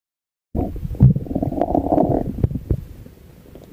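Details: Gurgling, bubbling abdominal sounds with a few brief clicks, heard through a stethoscope during a standardized clinical teaching demonstration of abdominal auscultation; normal bowel sounds.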